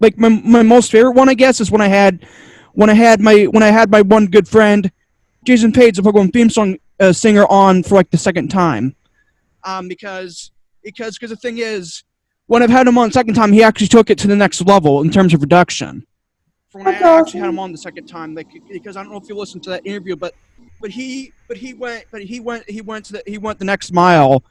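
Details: Adult male podcaster with two diagnoses, including autism, who says he stutters a lot, especially when unsure what he wants to say; stuttering.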